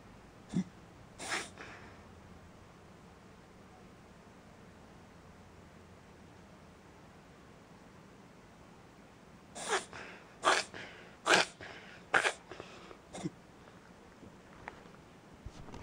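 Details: Shetland Sheepdog (Sheltie) reverse sneezing: a quick run of sharp, snorting, forceful inhalations.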